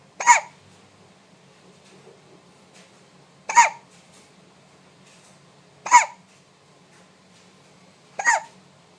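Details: Baby hiccups: four sharp, voiced hiccups about every two to three seconds in a quiet room.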